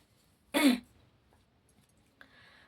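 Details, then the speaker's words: A single short, harsh throat clear from an adult woman singer who says her voice is going hoarse as if from a cold, followed by quiet room noise and a faint tone: throat clearing. "मेरा गला बैठ रहा है जैसे [नाक से की जाने वाली आवाज़] जोखाम सा हुआ है"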